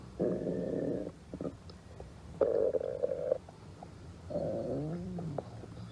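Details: Three prolonged low gurgling, groaning rumbles with pauses between; ordinary stomach growling (borborygmi).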